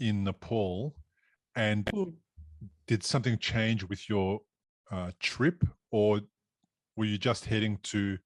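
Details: Adult man; typical speech.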